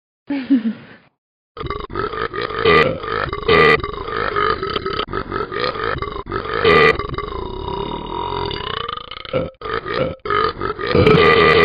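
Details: Dog repeatedly burping: long, loud, drawn-out belches one after another, each a low rumbling croak lasting several seconds.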